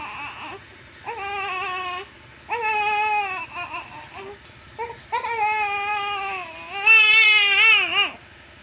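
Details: One-month-old newborn baby crying in repeated high-pitched wails separated by brief pauses and breaths.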